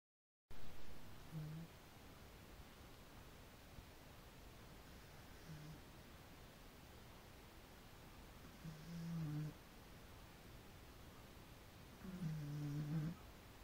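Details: Soft, low snores about every three to four seconds over steady room hiss; quiet snoring during sleep.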